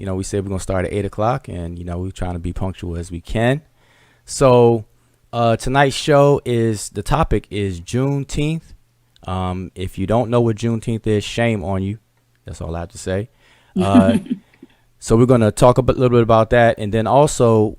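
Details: Adult male speaker; Normal voice.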